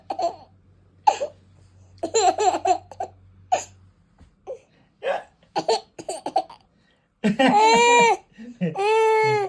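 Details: Toddler boy with hiccups: short, abrupt catches of breath recur between bouts of giggling and squeals; hiccups with laughter.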